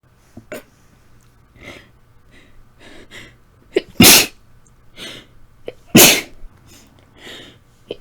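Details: Tickly sneezes at night from a tickle: two loud, sharp sneezes, each with soft sniffs and breaths before and after, in a quiet room.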